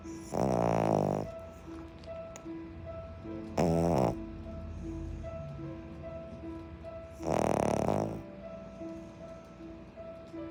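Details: Three loud, buzzing snores roughly every three to four seconds from a sleeping dog, over soft piano music from Interstellar.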